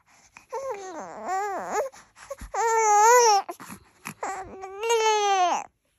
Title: Old video, crying